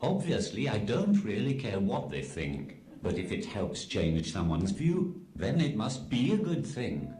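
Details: Text-to-speech communication aid used by an adult man; Synthetic speech from a speech-generating device.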